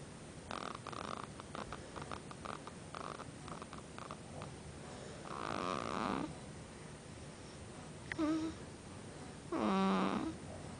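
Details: 5-day-old baby girl snoring: quick fluttering snorts, then longer rattling snores and a whistling squeak on the breath in a quiet room; snoring.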